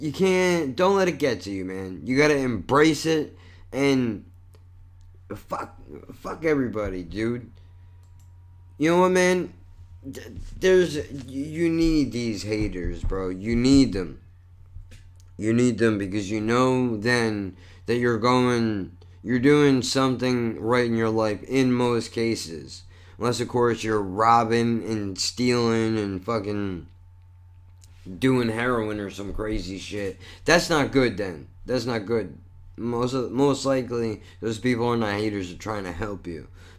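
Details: Adult male with cerebral palsy and multiple sclerosis, a neurological disorder he says affects his speech and involves some body movement: dysarthria.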